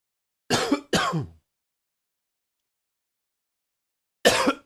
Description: A tickle that created some harder coughing.